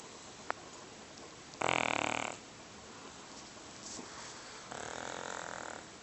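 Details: Loud snoring in a sleeping cat weighing about 30 lbs: two harsh, rattling breaths a few seconds apart over steady room noise.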